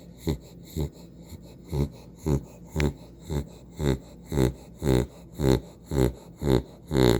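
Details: Female dog napping: regular rough snorting breaths, about 110 a minute, each with a low fluttering rattle; sleeping dog snoring.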